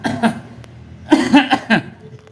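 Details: An adult man gives a short run of voiced, throaty coughs, acted for a comedy skit about a cough from catching a chill in the rain.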